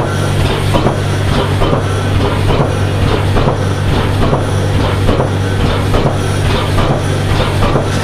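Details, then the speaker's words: External counterpulsation (ECP), a non-surgical treatment for heart-blockage patients: loud rhythmic pumping and clacking at about 70 per minute over a deep hum, as cuffs inflate in time with diastole, sending pressure waves of blood back toward the heart. "तब pressure waves के जरिए blood vessels के जरिए blood heart में जाने लगता है ये इस तरह से हार्ट की वेसल्स में यहां से पूरा पंपिंग करके ब्लड को जब फैल रहा हो होता हा तो रिवर्स फ्लो में देती है इससे हम डायस्टोलिक फिलिंग कहते"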